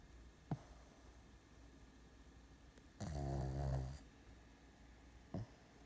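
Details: Dog asleep on his back on his owner, snoring so much he wakes himself: one loud, deep, rattling snore about a second long, framed by brief snorts.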